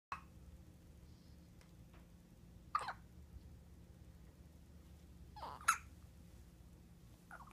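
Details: One-week-old: brief squeaky gulping sounds, about three in several seconds, over quiet room hum; hiccups.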